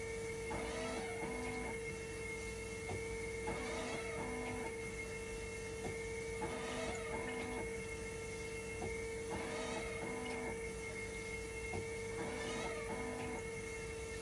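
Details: Hemodialysis machine run in dialysis mode to test a failing 5-volt level detector: steady hum with a tone, plus rhythmically repeating pump and valve clicks and whirs.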